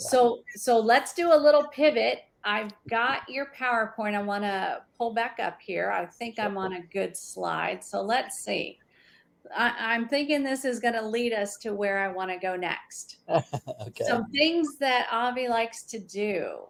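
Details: Adult woman speaking; normal speech.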